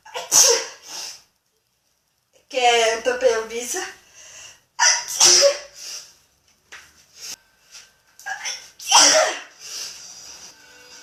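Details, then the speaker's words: Several sharp sneezes with brief speech between them in a quiet room, from someone who says they have been sneezing for hours and cannot stop; sneeze. "I'm scared. I'm not going to stop sneezing now. So why do you sneeze for 4 hours?"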